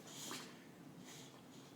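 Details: A white Boxer dog makes quiet, rapid snorting breaths; the owners suspect mucus or an upper respiratory infection, and a vet later found her healthy: reverse sneeze.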